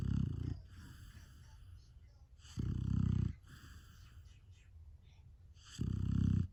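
Low rumbling snores in slow cycles, three loud inward snores roughly every three seconds with quieter breathing between; snoring during sleep.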